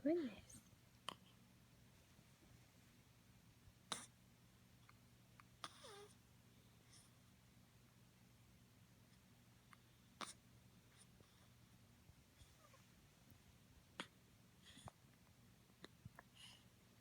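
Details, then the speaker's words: A baby gives soft, sharp hiccups at irregular intervals, about six in 17 seconds, in a quiet room; the hiccups are keeping him from falling asleep. "Do we have the hiccups, baby?"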